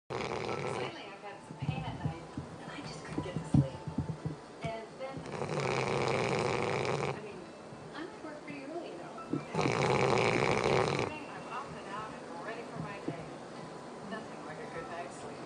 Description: I've never known a dog who sleeps like this and snores like this.